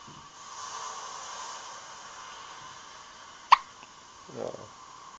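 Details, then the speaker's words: Single sharp hiccup from a young infant boy, over a steady sea-like hiss, followed by a soft voiced sound: infant hiccups. "Someone has the hiccups."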